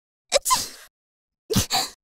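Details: Two quick sneezes, each a sharp intake followed by an explosive burst; ordinary sneezing.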